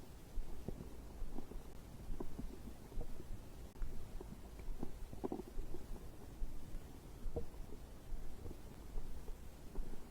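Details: Continuous low rumbling with frequent soft gurgles and clicks against muffled background noise; ordinary digestive bowel sounds (borborygmi) recorded after drinking a beverage.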